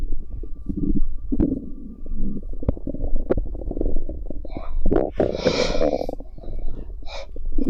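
Low rumbles and bubbling gurgles from the belly, with squeaky gurgles near the end: ordinary bowel sounds.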